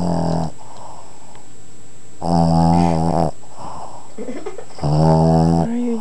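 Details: Snoring recorded in 2007 when the sleeper was just a baby: loud, rumbling snores of about one second each with quiet gaps, roughly two in six seconds.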